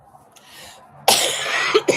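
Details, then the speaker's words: A woman recovering from illness, still coughing with a stuffed nose and hoarse voice, on medicine for another week: a quiet breath, then a sudden loud harsh cough burst with two short follow-up coughs. "I'm feeling better. I'm still coughing, but not as wildly as before. But sometimes it kind of kicks in, and I cough along."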